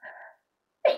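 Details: A drawn-in breath, a pause, then an explosive sneeze, brought on deliberately with chhinkni sneezing powder.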